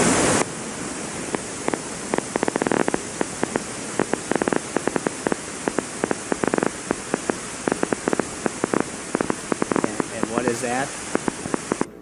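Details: EMG end plate spikes.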